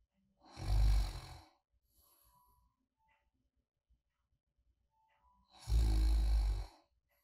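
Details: Deep, rumbling snores about five seconds apart with quiet breathing between, ordinary light sleep snoring recorded as a relaxing ASMR sleep-companion track.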